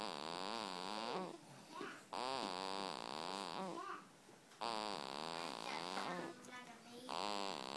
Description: It's a baby. That's snoring.